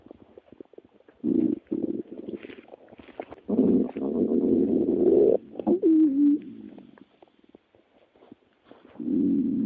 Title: stomach growling